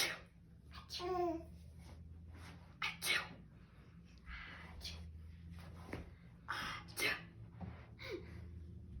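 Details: Child pretending to sneeze: several short, bursting sneeze-like sounds between bits of babble in a small room; imitated sneezing, not real sneezes.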